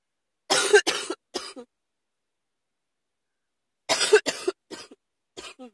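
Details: Cough that came on quickly: an "uh-oh" cough.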